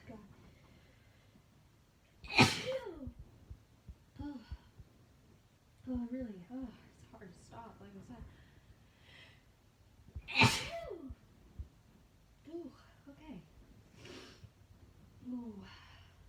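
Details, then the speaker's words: Sneezing fit induced by Chhinkni snuff in a woman: two forceful, wet sneezes with sharp intakes, gasps, groans and short exclamations between them; hard to stop. "Oh, but like I said, when Chhinkni gets you, ooh, it's hard to stop."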